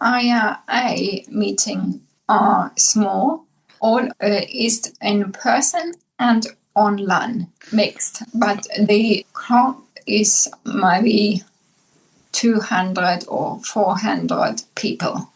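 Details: Aphasia in a woman, formerly multilingual, after a massive brain bleed (stroke) about 10 years earlier; initially unable to speak, she now finds English and German easiest, with Spanish slowly returning.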